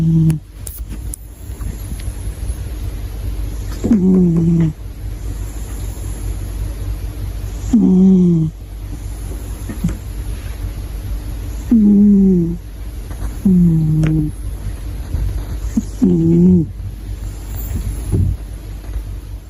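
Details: British Shorthair cat snoring loudly in sleep: short, squeaky nasal snores about every four seconds over steady background hum.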